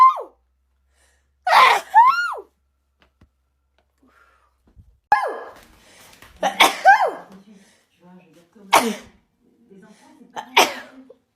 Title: Uncontrollable snotty sneezing fits